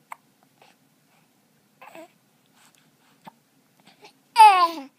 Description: I was trying to scare the hiccup out of the baby and when I gave up he took over and tried to freak the hiccups out himself.